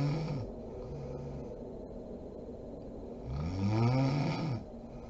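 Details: Mother snoring while asleep: two low, vibrating inspiratory snores separated by a few seconds of quiet breathing; ordinary snoring.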